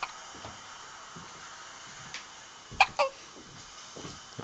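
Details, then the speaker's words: Two short, sharp hiccups from a young infant over a steady whooshing sea-sound background; ordinary baby hiccups. "Someone has the hiccups."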